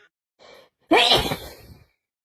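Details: Someone with a bad head cold who can't stop sneezing: a quiet in-breath, then one loud, forceful sneeze with a wet, spraying tail.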